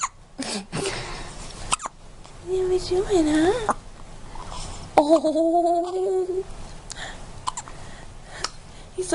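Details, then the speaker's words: Newborn boy 2.5 hours old, 6 lb 15 oz and 21 inches long, with sharp, irregular hiccup clicks repeating several times, mixed with short high whimpers and fussing: ordinary newborn hiccups. "like, I'm cold and I got the hiccups."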